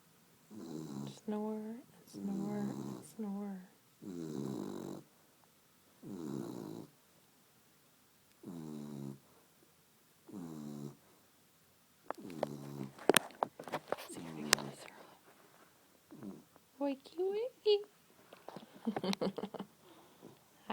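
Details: Beagle asleep on owner's lap, filmed on an iPhone: repeated rumbling snores, then a woman's voice and the dog's snorts and whines as it rouses; snoring.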